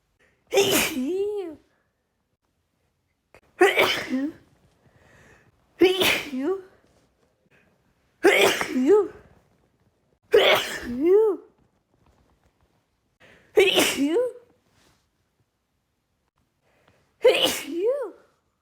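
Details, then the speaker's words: Seven loud voiced sneezes in quick succession, a few seconds apart; an uncontrollable allergic sneezing fit from pollen in a female. "The pollen is really getting to me as you can probably hear. But sorry."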